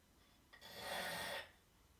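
A single rasping, fluttering breath of about a second in a quiet room, a snore.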